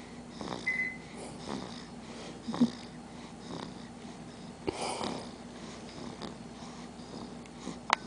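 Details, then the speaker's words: Sleeping kitten snoring: soft, rhythmic snuffling snores at roughly 50 breaths a minute over a faint, steady room hum. "kitten snoring. Just like Daddy."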